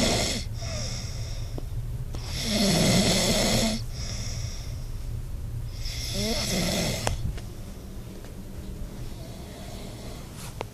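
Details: Man asleep after a long day's work, snoring very loudly; snoring.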